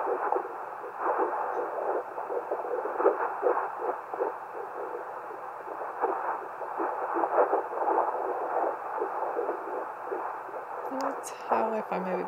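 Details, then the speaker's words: Fetal heartbeat at 10 weeks 6 days, self-recorded at home with a handheld fetal Doppler: rapid, regular whooshing pulses about 157 a minute, normal rate; signal easily lost, sometimes distorted by mother's heartbeat. "heartbe and as you can see it's easily I can easily lose it and there's sometimes Distortion with my own heart heart rate I love that sound"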